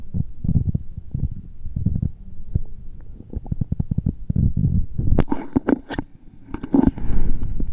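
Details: Gurgling, bubbling stomach rumbles with low clicks and squelches: ordinary active bowel sounds.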